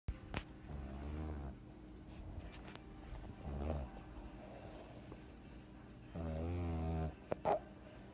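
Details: Snoring during a midday nap: three buzzing, fluttering snores on in-breaths, separated by quiet pauses, with a brief snort near the end; ordinary snoring.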